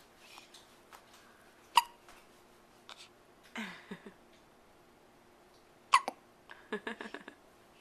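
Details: Young child with hiccups, whole body moving with each one, recorded on a Flip Video camcorder: two sharp, abrupt hiccups a few seconds apart with soft breathing and small vocal noises between.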